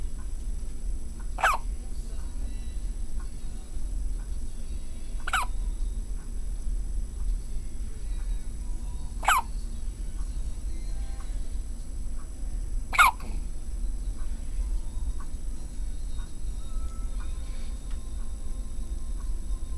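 Four sharp hiccups about every four seconds, roughly 15 a minute, over steady low background hum.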